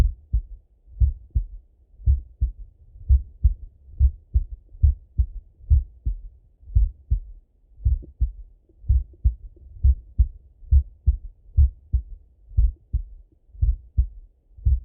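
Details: Adult male heart auscultated with a stethoscope, recorded partly sitting at a desk and partly lying in bed: clear, regular lub-dub about 60 a minute, no extra sounds between beats; normal heart sounds.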